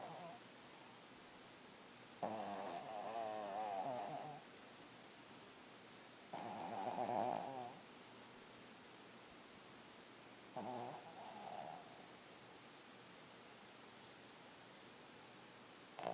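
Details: Soft, fluttering snores in a quiet room, about 17 a minute, while sleeping and dreaming; snoring.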